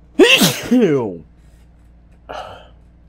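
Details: Obnoxiously stuck sneeze: repeated pre-sneeze gasps that never release into a full sneeze; stuck sneeze with repeated pre-sneeze gasps.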